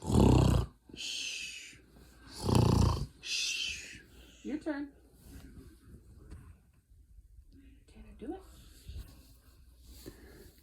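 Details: A dog told "snore" makes loud, rough snore-like bursts on cue, then fainter grunts and whines in a quiet room; performed snoring, not sleep snoring.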